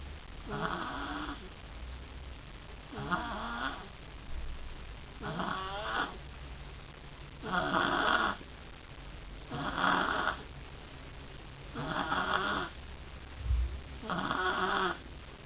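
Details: Ordinary snoring: rhythmic rattling snores, seven in fifteen seconds (roughly 26 a minute), with quiet pauses between them.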